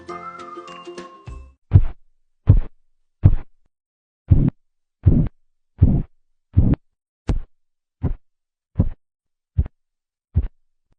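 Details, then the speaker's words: Korotkoff sounds heard through a stethoscope as the blood pressure cuff is slowly deflated: regular, soft thumping taps at about 80 a minute. "sabes que son los ruidos de korokov son los sonidos que se escuchan cuando tomas la presión arterial a medida que la presión del brazalete se libera lentamente se puede escuchar los sonidos arteriales a través del estetoscopio"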